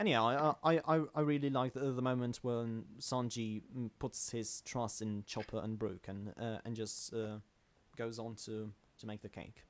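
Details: Adult male self-described stammering host in natural conversational speech, with word and phrase repetitions; stuttering.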